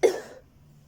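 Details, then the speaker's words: A 17-year-old with suspected but untested coronavirus on day 2 of symptoms: a worsening cough with a croaky voice, tight chest, breathlessness, sore throat and itchy eyes. "keep coughing. My chest is starting to feel tight again. And I'm struggling to catch breath at the minute."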